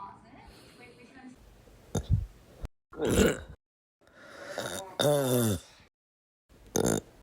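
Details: Adult with retrograde cricopharyngeal dysfunction, after Botox injection into the upper esophageal sphincter, burping voluntarily for the first time: eructation after R-CPD treatment.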